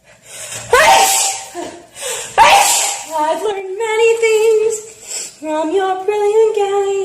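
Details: Girl's sneezing fit while singing: two sharp sneezes in quick succession, then she carries on singing a sustained melody.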